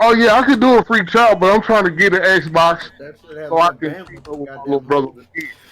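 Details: Male speaker with dysarthria (slurred speech) due to cerebral palsy; he says his speech is always slurred.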